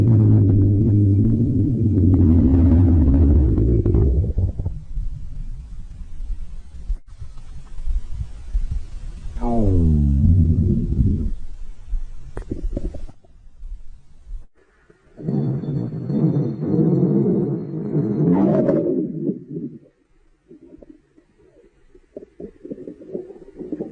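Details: Low rumbling and gurgling bowel sounds from an adult woman's stomach, with a rising, squeaky gurgle partway through: ordinary stomach growling (borborygmi).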